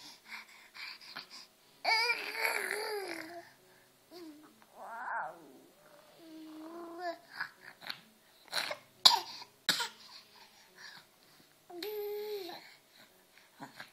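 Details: A child coughing: a few harsh coughing bursts between vocal sounds, with quiet room noise.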